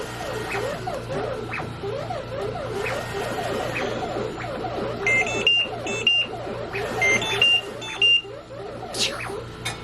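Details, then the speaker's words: Home ventilator alarm on a child with a tracheostomy, briefly taken off the vent to change the trach top then reconnected; oxygen 96% afterwards: repeated high electronic beeps over steady machine hum and music; disconnected-circuit alarm. "And then we just pull his trach back through the top and reconnect. Yay! It's his vent telling me, something is unplugged, ma'am."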